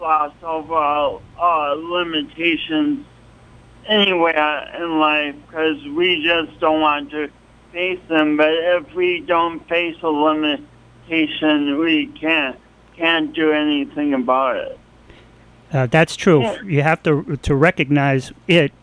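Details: Adult man with a pronounced speech impediment and coordination awkwardness since an early, traumatic birth with loss of oxygen; speech impediment.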